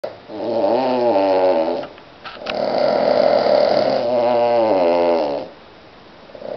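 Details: Cavalier King Charles spaniel snoring on a Sunday morning after a walk: loud, long, whistling and rattling snores on each breath, about two seconds each.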